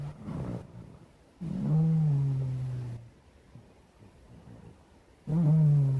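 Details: Low, drawn-out rumbling snores, about three in six seconds, with quiet breathing between; snoring in a sleeping black cat.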